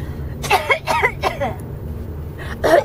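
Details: An 18-month-old boy gives a few short, light pretend coughs, then a final burst, over steady low background hum: voluntary (fake) cough.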